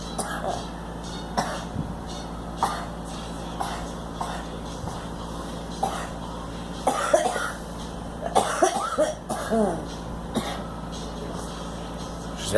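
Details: Girl coughing in a moving vehicle: several short coughs and throat clearings over steady engine noise.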